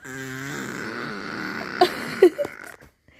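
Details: A child imitating the father's snoring when asked: a drawn-out rough, rattly voiced sound ending in short snorts; imitated snoring.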